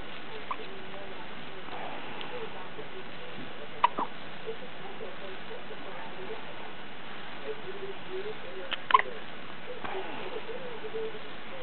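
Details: Two-day-old newborn: soft sharp hiccup clicks roughly every five seconds over quiet background noise; hiccups.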